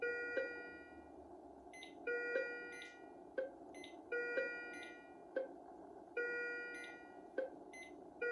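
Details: Philips IntelliVue MP30 patient monitor alarm, ISO and traditional tones, with ZOLL E Series defibrillator sync and charge pressed manually; rhythm from an ECG simulator: short melodic beep groups repeating every two seconds or so.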